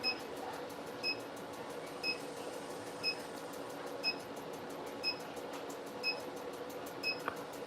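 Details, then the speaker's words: Soft electronic clicks at a steady one per second from a Harmony ClearLift facial laser handpiece delivering pulses to a woman's cheek (1500 per cheek) during a painless collagen-remodeling demo treatment. "so we separate each area so 500 um uh clicks on the on the forehead 500 on the chin and we're doing, 1500 on each cheek"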